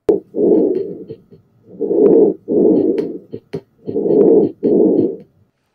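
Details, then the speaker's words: Simulated stethoscope lung sounds on a virtual patient platform, cursor placed over the chest wall: soft, rushing breath noises in fairly quick, repeated in-and-out pairs; lung sounds, type unspecified. "move it to an area of the chest wall to hear the lung sounds and hear heart tones"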